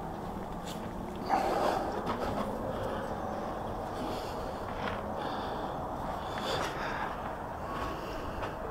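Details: A short forceful nasal blow from a horse during a chiropractic adjustment, amid outdoor rustling and footsteps; an ordinary snort.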